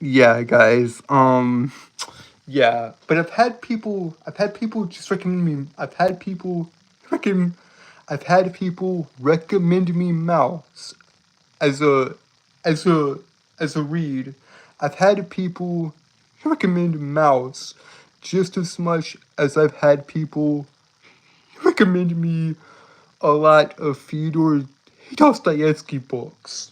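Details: Male streamer with a self-described speech impediment that makes it hard to say what he means; he streams nightly to improve his speaking; repetitions of words and part-phrases; stuttering-like disfluency.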